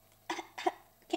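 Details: Adult who is sick, with a dry throat for about a week that hurts at night, now coughing more: three short, light, dry coughs in a quiet room, a dry irritative cough.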